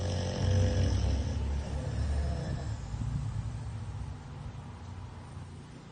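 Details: An American Bully dog sleeping in his crate: low, rumbling, fluttering snores that gradually fade into soft noisy breathing. Dog snoring while asleep.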